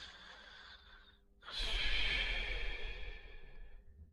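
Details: Snoring during sleep: a quiet breath, a pause, then a long, loud, rough breath with a low rattling flutter.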